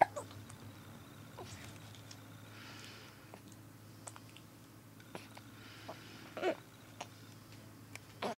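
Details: A person who always has the hiccups: several short, abrupt hiccup catches over steady room hum, with one louder burst near the end.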